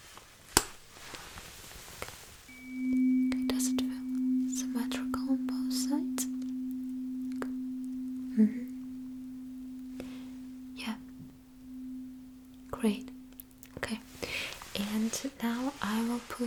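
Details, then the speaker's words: Simulated ASMR cranial nerve exam roleplay: steady low hum of a struck tuning fork fading over about twelve seconds, with quiet taps and rustling, while asking if sound feels symmetrical on both sides: Weber hearing test. "Would you please let me know when you don't hear the sound anymore? So, now you don't. Mhm. Mhm. Okay. Okay. Fine. Got it. Well, and did you feel it symmetrical on both sides?"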